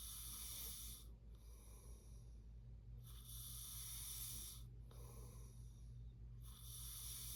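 Rhythmic, noisy breathing during sleep, with hissing airflow over a steady low hum. This fits snoring.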